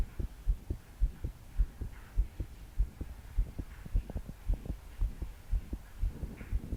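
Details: 22-year-old female trying to calm her heart to sleep after deep breaths failed. Strong thumping heartbeat about 105 a minute, her body shaking with each beat, soft breathing and heavy rain behind: fast, pounding palpitations.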